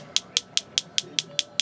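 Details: Focused shockwave therapy given to a chiropractor around the anterior shoulder: sharp, regular ticking clicks at about five per second as the device delivers pulses, and the patient reports a deep ache at the treated spot.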